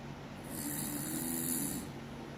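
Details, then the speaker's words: Deliberate simulated snoring by an awake person during a home test of a snoring-detection prototype, with air-conditioner background; one low, rattling inhaled snore over steady air-conditioner hum; snoring. "Okay. Now we can see that the algorithm can clean the air conditioner sound and detect snoring"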